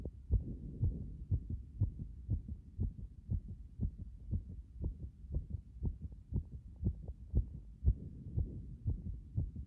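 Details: Heart sounds after chest compression: fast, steady low heartbeats at about 120 a minute over a dull rumbling background.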